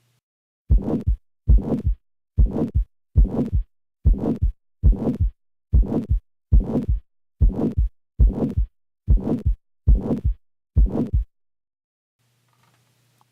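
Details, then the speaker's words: Teaching example of a harsh heart murmur: loud, rough murmur with high and low pitches produced together by a large pressure gradient and large flow volume, regular heartbeat. "here's an example of a high pitched murmur here is a low pitched one finally here is a murmur that many clinicians would describe as harsh"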